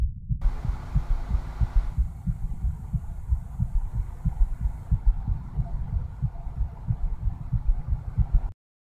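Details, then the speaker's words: Stethoscope on the left side of the chest in congestive heart failure with a fast pulse: rapid, muffled low heart thumps. "दूसरा, यदि पेशेंट का pulse fast है तो इस प्रकार का साउंड सुनाई पड़ेगा।"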